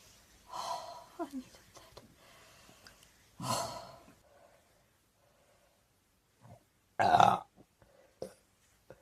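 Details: Person with hiccups after drinking too much cider, recorded as ASMR; several short, abrupt throat sounds with quiet breathing between them, fitting hiccups or small burps.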